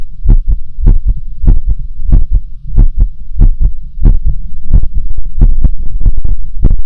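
Paired low thumps, lub-dub, at roughly 94 beats a minute with slightly uneven spacing; an ordinary heartbeat.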